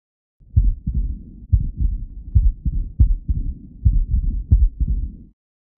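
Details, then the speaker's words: Mid-to-late diastolic murmur of mitral stenosis, a teaching example: low heart sounds with a soft, low-pitched rumbling murmur filling diastole, very quiet, often heard only on expiration with left lateral tilt and the stethoscope bell. "In both the murmur is often low pitched, rumbling in nature and very quiet. The murmur in mital stenosis is often only audible on expiration left lateral tilt and with the bell of the stethoscope which is best for low pitch sounds."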